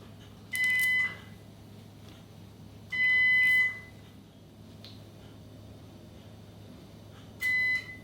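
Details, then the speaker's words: Three short steady electronic buzzing tones with quiet room noise between, from a cautery machine sealing small bleeding vessels during local anaesthetic earlobe reconstruction of a young woman's multiply pierced right ear. "you just hear a small buzzing noise now this is the cautery machine mm-hmm let's just stops any small bleeding blood vessels"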